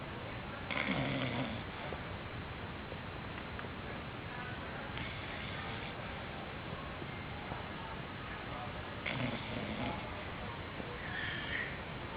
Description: this is a video of a snoring dog sleeping on the couch